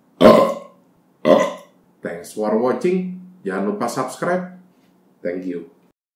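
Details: Burping compilation after drinking soda or beer or eating: about six loud, deep belches in a row, some drawn out and voiced, with silence between them; repeated burping.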